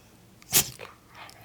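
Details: Dog sneezing after playing with his paws: a single sharp, hissing burst of air through the nose followed by a faint snort.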